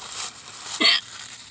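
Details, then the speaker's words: Person in a car before eating, who says hiccups get bad right before meals: a single short, sharp hiccup over steady car-interior noise; hiccup. "but I think my body knows when I'm about to eat some food cuz I get really bad like hiccups like they get excited"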